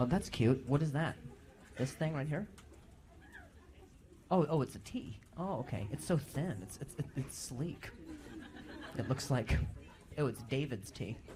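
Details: Adult male comedian who stutters, performing live crowd work on stage; he says noises in his ear while he talks make him stutter. Real stuttering.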